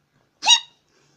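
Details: A single brief, sharp, hiccup-like simple vocal tic from a person with Tourette syndrome while doing their make-up.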